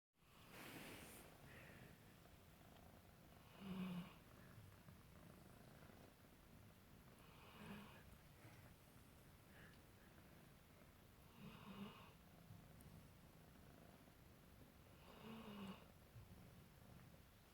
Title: Little kitten playing with a Labrador while he is sleeping and snoring